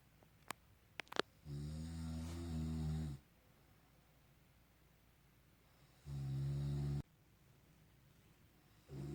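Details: Adult man (a father) snoring at night while asleep, recorded in 2019: loud, deep, rumbling snores with each in-breath, separated by quiet pauses in a quiet room; snoring.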